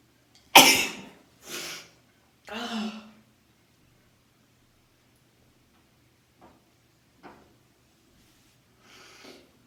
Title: 9 sneezes in a row with a twisted tissue (including sniffling, and sighing)